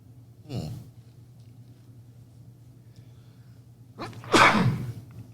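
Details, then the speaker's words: Two sneezes from an adult, a smaller one then a loud one with a sharp inhale before it; others respond "bless you." "Ooh, got the sneezes. Bless you. That sound nasty."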